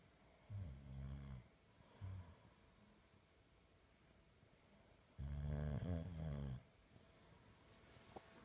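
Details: Snoring from a father and his 4-month-old son, who snores as loudly as his father; the clip does not say which one is snoring. Low, rattling snores, some short and one long, each with a deep, vibrating buzz on the breath.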